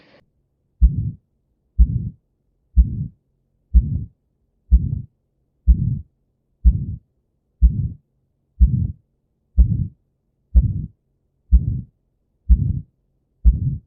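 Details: Aortic stenosis murmur: regular heartbeat at about 62 a minute with a harsh murmur filling each beat.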